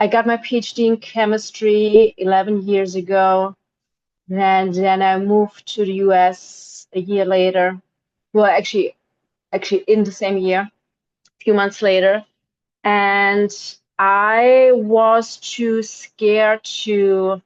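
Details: Adult woman with a PhD in chemistry who says her stutter held her back from working in her field; stuttering.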